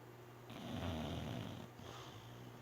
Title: sleeping, snoring, dreaming